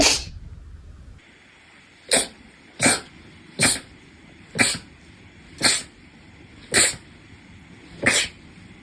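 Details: Repeated sneezing from a small animal: seven short, sharp, explosive sneezes in quick succession.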